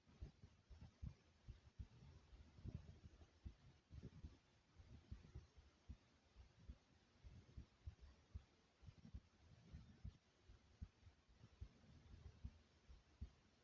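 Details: Soft, low heartbeat thumps at an unhurried pace with faint background hiss, recorded while the person was relaxing: a normal, slow resting heartbeat.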